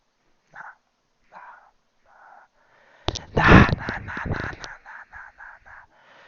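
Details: Man (the speaker's dad) sneezing in the background: a few soft catching sounds build into one loud, explosive sneeze, followed by quieter rhythmic clicks.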